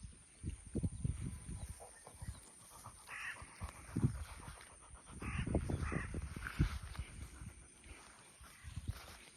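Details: 11-year-old female dog breathes heavily in low, rough bursts after swimming and walking in the heat, with a crow cawing and faint outdoor noise behind: panting.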